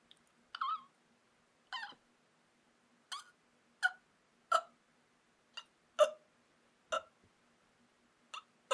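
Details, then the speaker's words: About ten short, squeaky, strained voiced catches at irregular intervals, hiccup-like gasps; self-recorded episode of constricted noisy breathing in a person with suspected deviated septum, sinus pressure, spasms and tics; possibly tic or laryngeal spasm. "What, I don't know what I'd describe that type of breathing as. Constricted?"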